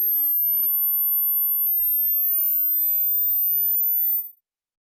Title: Hearing test